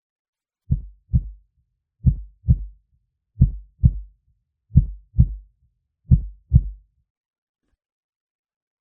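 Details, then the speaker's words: Heartbeat in a role-play relaxation recording: steady, calm, slow paired heart thumps at about 44 beats a minute with a clean two-part rhythm; normal heartbeat. "Okay, it's steady. Calm. just for you."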